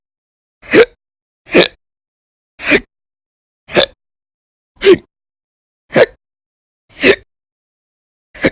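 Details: Audio-only recording of violent, very loud persistent hiccups, in daily bouts lasting about 10–13 hours in December 2019: eight short, sharp, loud hiccups at roughly one per second with silence between.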